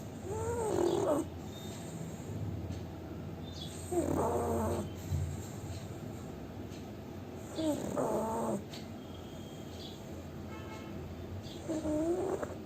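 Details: Sleeping pug snoring: regular rattling, snorting snores about every four seconds over a steady background hum.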